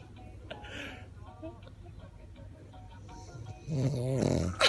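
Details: Laughter at a loud, rough, rumbling snore near the end of a quiet recording with faint music-like tones: snoring.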